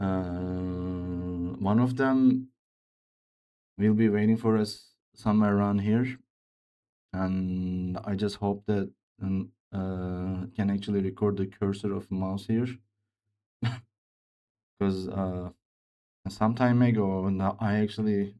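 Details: Male speaker with a self-reported speech disorder, type not named, which he says sounds like a game character's but much worse; speech disorder.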